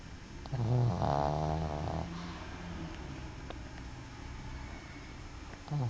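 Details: A dog snoring after a long day: a low, rattling snore with a buzzy breath lasting about a second, then quieter noisy breathing; snoring.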